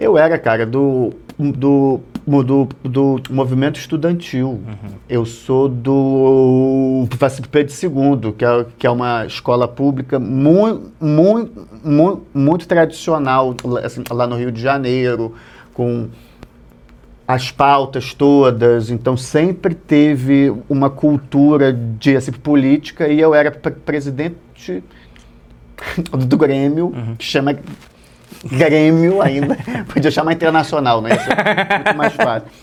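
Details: Adult male Portuguese-speaking comedian who has stuttered since childhood; stuttering runs in his family and comes and goes; stuttering.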